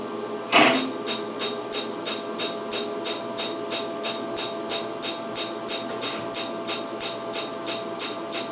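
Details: First-session tattoo removal with a Pico Wave picosecond laser on a numbed patient, who reports not feeling it. Rapid, evenly spaced sharp snapping clicks, about three per second, over steady room hum: laser pulses shattering tattoo ink.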